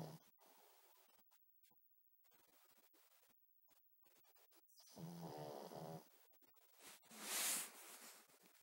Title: Pug snoring